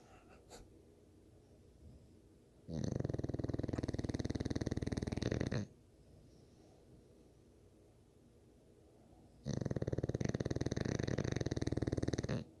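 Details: Sleeping bully snoring: two long, loud, rattling snores about seven seconds apart, with quiet breathing between them; snoring.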